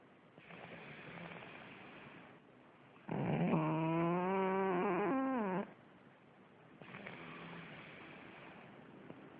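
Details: Sleeping pug: loud, harsh snoring, a long rattling snore between noisy breaths.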